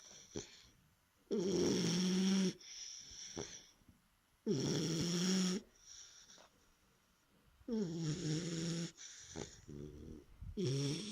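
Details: Three-month-old puppy asleep: loud, buzzing snores with softer whistling breaths between, roughly one snore every three seconds; snoring.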